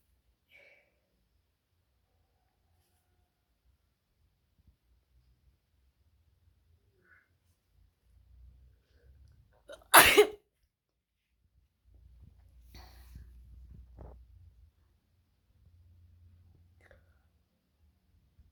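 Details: Sneeze: one brief, forceful sneeze-like burst against near silence and a faint low background rumble.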